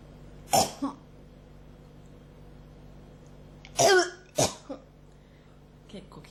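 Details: Repeated coughing, described as a cough that won't stop: a few short, dry coughs and throat clears in two small clusters over low room hum; person feels something in the throat.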